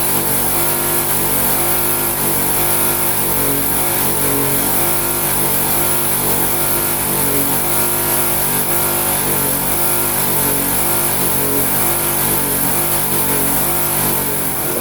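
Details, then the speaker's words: Loud continuous motor drone with a steady throb: a suction machine switched on and checked before demonstrating suctioning of an infant to remove secretions. "I'm gonna put my suction machine on and we want to make sure that our motion is working"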